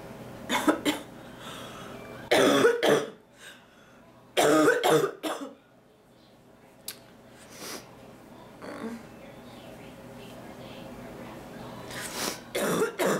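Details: Woman with recurrent illness having cough attacks while cleaning the kitchen, dizzy and light-headed, some blood coughed up; bursts of harsh repeated coughing in clusters with breaths between, an annoying ticklish cough that won't move.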